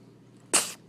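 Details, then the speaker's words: 2-day-old newborn baby girl: a single short, high-pitched sneeze against quiet room noise; her mother is said to sneeze often too; sneeze. "just like her mommy, she always sneezes."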